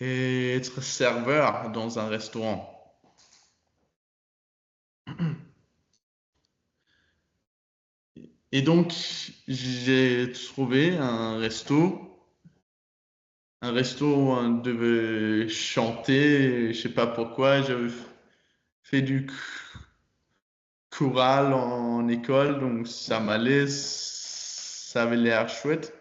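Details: 22-year-old man who stutters, speaking French; his stutter was very strong in childhood and still affects him, with repetitions and blocks.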